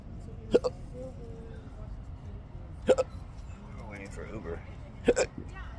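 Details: Three sharp, abrupt hiccup bursts over about six seconds, each with a quick double catch, against street and vehicle noise, from an adult with chronic debilitating intractable hiccups.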